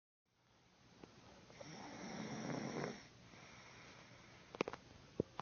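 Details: One long, rough, rattling inhaled snore that builds and then fades, followed by a few faint clicks; adult snoring.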